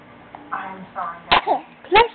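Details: A baby's vocal sounds, then two sharp, explosive sneezes about half a second apart, with laughter-like voicing between them; the baby is sneezing, talking and laughing.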